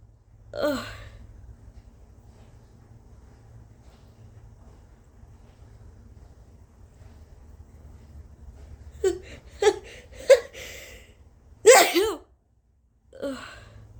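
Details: Quick catching breaths build to one loud, explosive sneeze from an allergy-irritated, congested nose. For days there has been congestion, a sore, scratchy throat, heavy coughing and near loss of voice.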